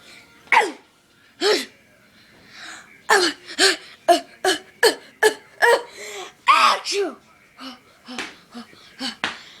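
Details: A person sneezing in a rapid series, about a dozen short, sharp sneezes in under ten seconds, some with a voiced tail.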